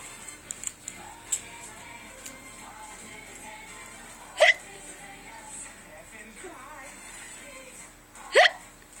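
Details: Two abrupt, sharp gulping hiccups about four seconds apart, over television dialogue and music.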